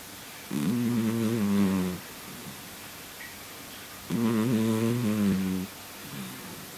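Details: Snoring of a sleeping cat.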